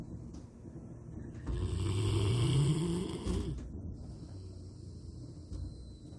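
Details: A Rottweiler in deep daytime sleep, said to snore louder than a human: one long, loud, deep, rumbling snore rising in pitch, then quieter breathing. Loud snoring.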